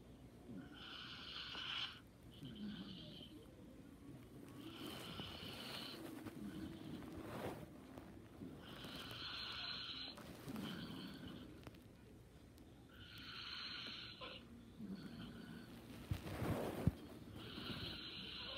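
Soft, irregular snorting breaths over steady background noise; light snoring in sleep.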